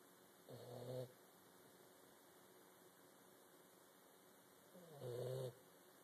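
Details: Two low, rattling snores about four seconds apart over steady room hum, from a sleeper; ordinary sleep snoring.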